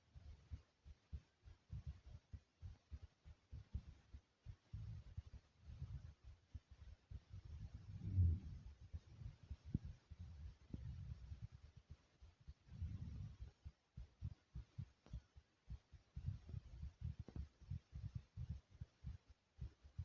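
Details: Own adult heartbeat: low, muffled, thumping beats repeating throughout, with occasional rustling bursts.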